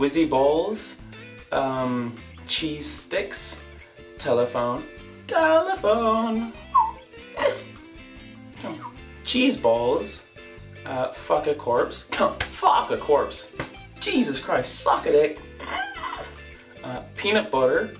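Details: Female speaker's vocal tics from the second quarter of the year, including repeated words and phrases and coprolalia (obscene words): vocal tics with coprolalia.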